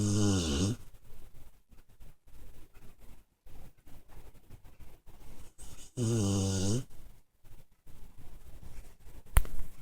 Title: Pit bull snoring dreaming